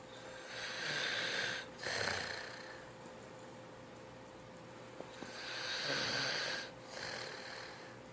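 Two long, harsh breathing noises with a pause between, from a sleeping child: snoring, with a steady faint hum in the room.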